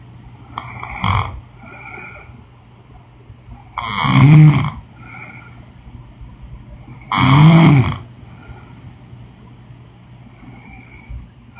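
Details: Woman snoring during sleep: two loud, low, rattling snores on the in-breath with quieter breathing between, in a room with a steady hum.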